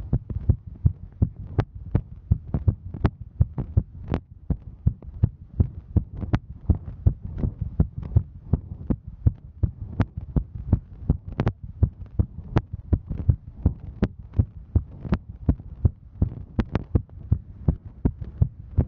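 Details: Female hiking: steady, fairly quick heartbeat of about 82 beats a minute over a low rumble; heartbeat during exertion.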